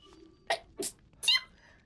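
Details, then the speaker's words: Three quick, sharp sneezes in a row, each a short explosive breath out, from a self-described frequent sneezer who announced needing to sneeze just before; sneezing. "Like I said, I'm a sneezy human. Forever sneezing."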